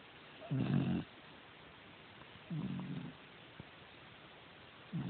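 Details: Regular deep, low snores about every two seconds with quiet pauses between breaths; snoring.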